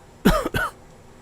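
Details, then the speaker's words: An adult man imitates a cough he thought he heard, producing two quick, harsh cough bursts in an otherwise quiet room. "Hey, who's coughing? Did you hear that? What the I must be hearing something. Did you guys hear somebody coughing like"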